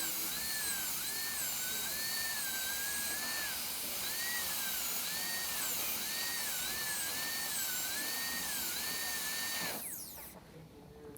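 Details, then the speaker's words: High-speed dental handpiece cutting facial guide cuts in an all-ceramic crown prep (rounded shoulder) on tooth #9: steady high-pitched whine dipping with light strokes, then winding down and stopping. "so we're going to we're going to finish our guide cuts here on the facial and then we're going to just change that angle a little bit and do the gingival aspect"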